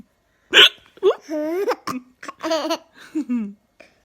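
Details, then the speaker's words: Mum and her baby with hiccups at the same time: sharp, abrupt voiced hiccup catches mixed with laughter and vocal play from both the adult and the baby; hiccups. "We've both got the hiccups at the same time. Oh, now mine."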